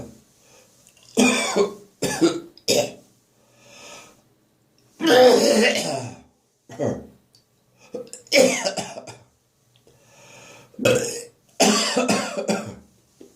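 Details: Morning coughing in a bathroom after bronchitis, clearing remaining phlegm: repeated harsh, dry coughs and hacking throat-clearing bursts with retching-like gagging strain; dry post-bronchitis cough.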